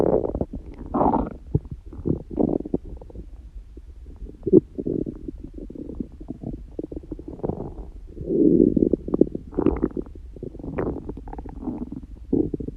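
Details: Person prone to frequent loud stomach noises, neither hungry nor with stomachache: irregular gurgling and rumbling bursts, ordinary stomach growling (borborygmi).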